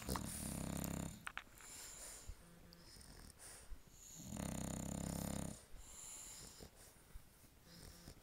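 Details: Two sleeping bulldogs, aged 7 years and 3 months, on a couch: two loud, rumbling snores about three seconds apart over a quieter room background; dog snoring.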